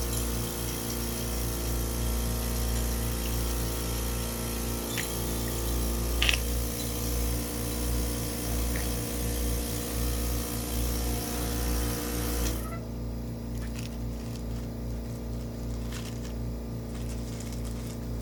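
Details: Steady motor hum of a DeVilbiss home suction machine with a brief click midway, during sterile tracheostomy suctioning of an infant girl with a trach guard, to a 10.2 cm depth, just after feeding, when she gets gunky.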